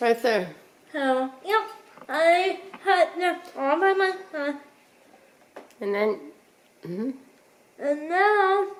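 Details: Adult speaker; dysarthria (cerebral palsy).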